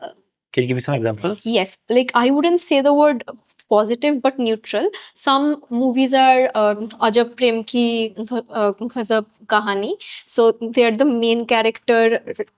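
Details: Adult woman who stutters, speaking in a podcast interview; stuttering.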